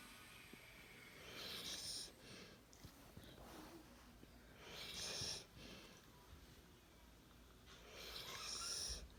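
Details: Dog sleeping, snoring: soft, airy, whistling snores at about 17 a minute, slightly uneven, in a quiet room.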